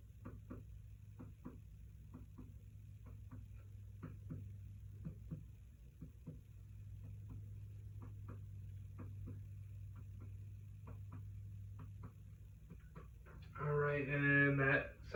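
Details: Series of soft, hollow taps from finger percussion over an adult female patient's abdomen during a nurse practitioner wellness assessment, resonant throughout: tympany, the normal air-filled bowel note.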